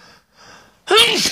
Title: My first sneezing clip - one regular sneeze, one big sneeze (M)